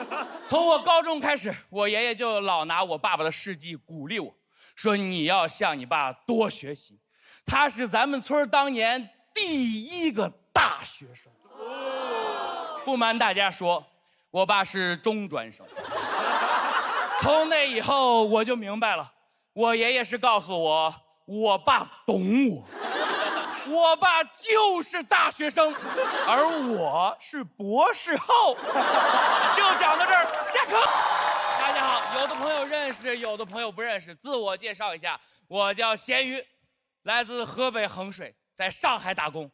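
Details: Male stand-up comedian who says he has a stutter, performing in Mandarin Chinese; stuttering.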